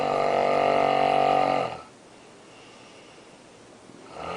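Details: Adult woman snoring loudly in her sleep in a hotel room, disturbing others nearby: one long, loud, buzzing snore on the in-breath, then a quiet pause; snoring.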